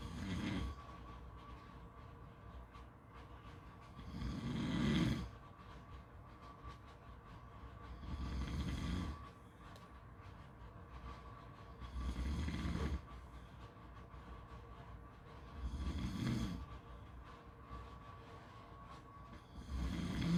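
Rhythmic rough snores about 15 a minute, each a low rattling breath, over steady background hum; loud habitual snoring.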